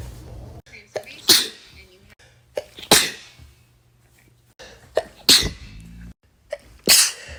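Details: Four forceful sneezes in quick succession, each preceded by a sharp in-breath; part of a repeated sneezing bout (person reports sneezing 14 times in a row that day).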